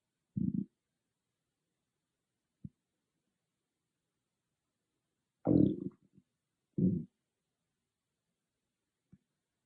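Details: Loud stomach growling recorded on an iPhone microphone, not an ASMR mic: loud, low gurgling growls and brief rumbles separated by silence; ordinary borborygmi, a normal bowel sound.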